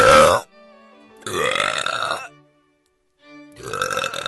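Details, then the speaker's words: Female: three loud, drawn-out, rumbling belches separated by brief pauses, faint music behind; burping. "that was probably a three oh my gosh I'm sorry you had to hear that oh"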